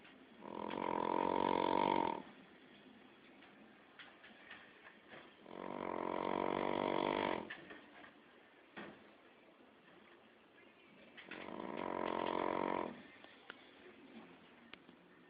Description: this is cushdee the shar pei snoring like a gutted rhino, at 15 weeks old